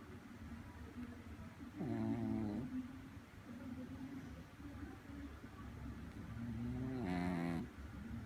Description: Snore at 3am